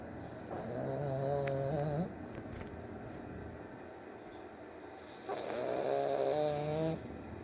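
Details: Two long, droning snores separated by a quiet pause over steady room noise; snoring.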